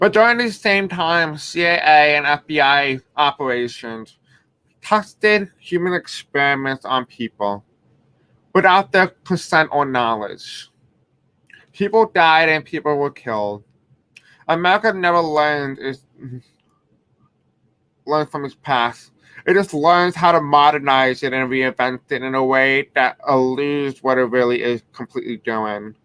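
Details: Male speaker who reports having a deaf accent and difficulty pronouncing certain words: deaf speech (deaf accent).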